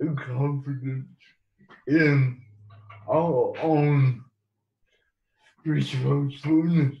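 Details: Man with cerebral palsy who has used a wheelchair most of his life; dysarthric speech in cerebral palsy.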